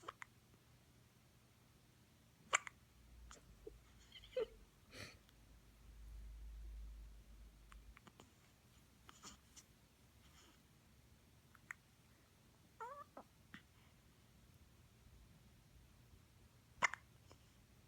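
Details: A baby with hiccups, which she gets at least once a day: brief, sharp, soft catches at irregular intervals, about six in eighteen seconds, in a quiet room.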